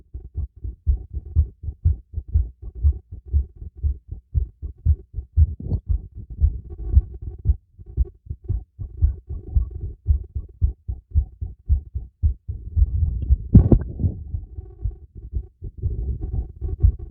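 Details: Stethoscope heartbeat recorded during a light workout with breathing: fast, steady beat about 115 a minute with brief breathing and rubbing noise, a normal heartbeat.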